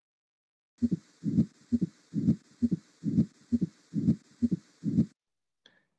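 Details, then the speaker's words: Teaching example of mitral stenosis with fused commissures (fish-mouth valve): regular heartbeat near 67 a minute, low mid-diastolic rumble after the second sound, best heard with the bell at the mitral area, accentuated in left lateral position. "it typically happens after you hear the first a second heart sound and then you have what is called mid diastolic rumble and that is typical of mitral stenosis is best hurt with the bell in the mitral position"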